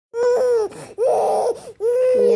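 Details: Baby girl with a cold and cough crying in three strong, high-pitched bursts separated by brief catching breaths.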